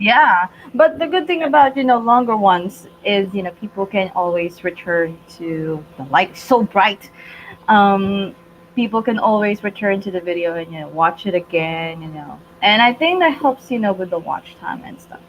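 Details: Adult woman; typical speech.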